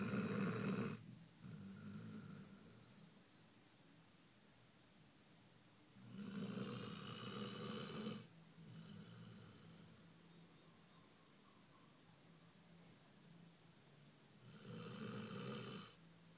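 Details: Basset hound snoring: slow, regular rattling snores on the in-breath with quieter out-breaths, about four breaths a minute in a quiet room.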